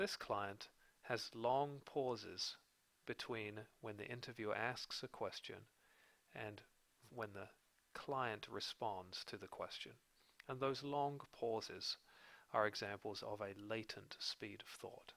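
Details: Adult man narrating; normal adult speech.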